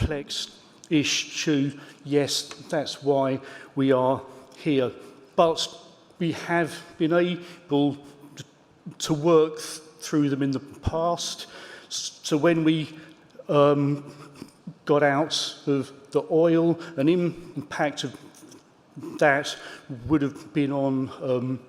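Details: Stuttering in an adult man who states he has a stammer.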